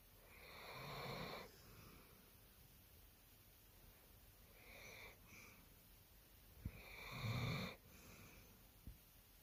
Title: Dog snoring. 40 winks